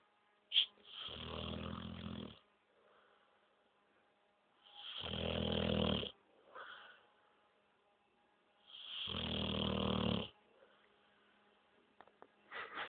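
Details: Real recording of a female Ca de Bou dog during an afternoon nap: three long, rough, buzzing snores a few seconds apart with quiet pauses; heavy snoring.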